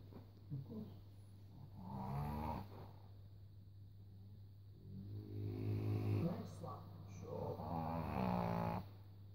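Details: Deep, drawn-out rattling snores on each breath over a steady low room hum; unclear whether the snorer is a wife or a dog; snoring.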